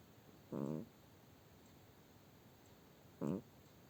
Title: My cat's human snore!